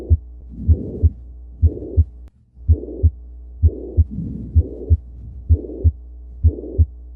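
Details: Heartbeat around 64 a minute with a blowing holosystolic mitral regurgitation murmur plus a third heart sound (S3) giving a gallop rhythm; auscultation challenge recording.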